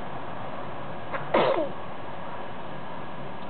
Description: The baby has a sneeze